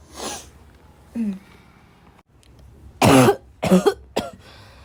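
Several harsh, hoarse coughs with throat clearing and quiet gaps between them; a barking cough.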